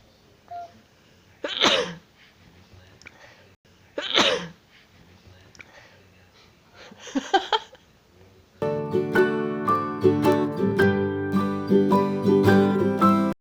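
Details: Two loud adult sneezes from a mom a few seconds apart, surprising her baby, then a smaller burst, followed by music: sneeze.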